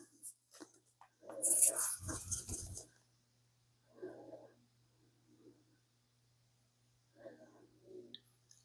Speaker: Did you hear that? That was my stomach.